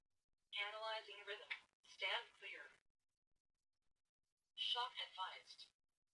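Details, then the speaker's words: Synthesized voice prompt announcing shock advised after rhythm analysis of simulated ventricular fibrillation, from the AED mode of a tablet-based monitor-defibrillator training app (ACLS/PALS/EMS), simulated. "they can also just hit the analyze button and i'll ask you to listen here carefully to the audio that's displayed from the product okay i'm going to hit analyze"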